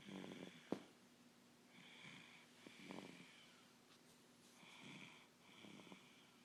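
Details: Tired sleeper snoring: quiet regular sleep breathing with soft snores and a slight whistling tone on breaths.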